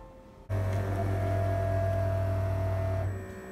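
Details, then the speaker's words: Steady motor hum of an automatic blood pressure cuff pump running about three seconds as the cuff inflates on a woman's arm at her 37-week pregnancy checkup; the reading was reported normal. "Going to get my BP. So, sariling sikap, guys. So, this is how it looks like. I'm going to insert my arm and then just press the button here."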